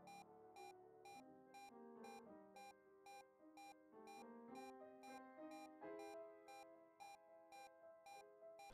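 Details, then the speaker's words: Simulated LLEAP patient monitor: the pulse-oximetry beep, whose tone reflects saturation and perfusion, gives way to the ECG pitch as the arterial blood pressure crashes during hypotension. "tree spo2 is influenced by the profusion as well note spo2 tone gives way to ecg pitch has the arterial bp crush uh"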